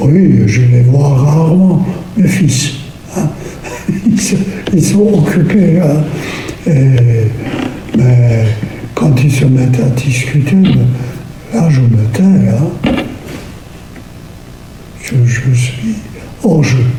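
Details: Man with Lewy body disease followed in speech therapy, with a soft, weak voice and somewhat hesitant, slow speech but no major language difficulties; hypophonia.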